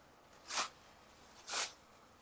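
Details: Two brief, hissy bursts about a second apart from an adult: two soft sneezes.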